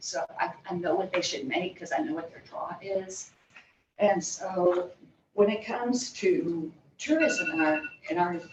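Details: Adult woman diagnosed in 2020 with spasmodic dysphonia and essential vocal tremor, with epilepsy diagnosed in 1989 (spasmodic dysphonia with essential vocal tremor).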